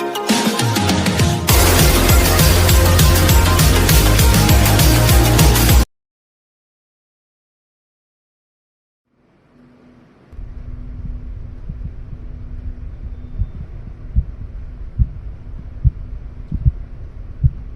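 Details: Korotkoff sounds heard while measuring blood pressure manually (non-invasive BP).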